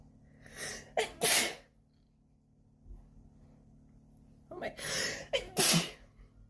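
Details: Tattooed woman's sneezing fit: two pairs of sharp explosive sneezes, each preceded by a quick inhalation, in a quiet room.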